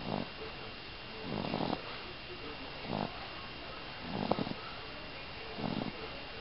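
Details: A 14-week-old puppy asleep gives five rough, rasping snores in quick succession, about 43 a minute, against faint room hiss: loud snoring.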